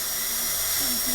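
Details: Dental training class preparing class II cavities on maxillary premolars for amalgam and composite: continuous high-pitched whine of a high-speed dental drill cutting tooth, with loud hiss of water spray.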